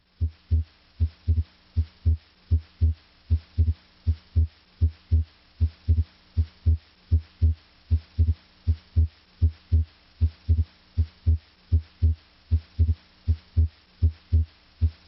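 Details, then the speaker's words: Heart auscultation, deep breathing: regular heart sounds near 75 a minute, S2 splitting into A2 and P2 on inspiration and fusing into a single S2 on expiration; physiologic splitting of S2. "now breathe deeply this physiologic split of s2 a and s2p normally occurs during inspiration during expiration however these two components are fused into a single sound s2"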